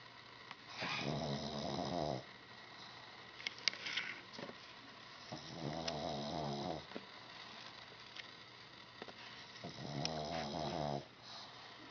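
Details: Sleeping pug: three loud, rattling, fluttering snoring breaths in about 12 seconds, with quieter breathing between them; loud dog snoring.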